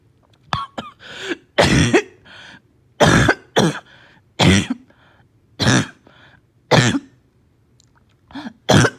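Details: About eight harsh, hoarse barking coughs in short bursts, some with a gagging catch, with slight fever, gagging and vomiting; barking cough.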